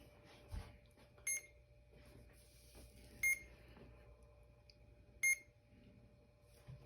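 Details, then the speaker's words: Three short high electronic beeps about two seconds apart over quiet room noise from a Duopa infusion pump. The button is held until it beeps and the pump runs through its settings before starting. "you just hold that down until it beeps when the lines disappear you can let go and it will go through the settings one more time"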